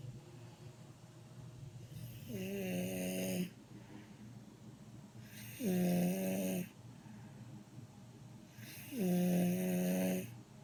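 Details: Heavy snoring recorded at her own request: loud, rough, buzzing snores on each in-breath, about three in ten seconds, with quiet breathing between them.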